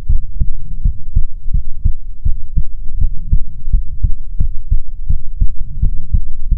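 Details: ASMR heartbeat recording offered as soothing heartbeats: steady, regular low thumps with a soft hum underneath; an ordinary, even, normal heartbeat.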